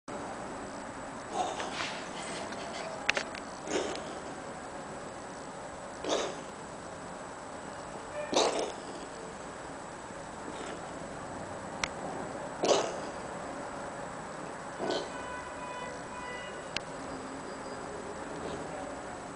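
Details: Brief, dry, huffing coughs from a pet named Wolfie, repeating irregularly with no wet or gurgling sound. The owner says nothing ever comes out: a non-productive cough.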